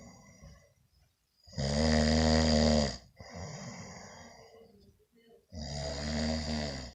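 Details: Brother snoring heavily: loud, harsh rattling snores on breathing in, with quieter breathing out between them.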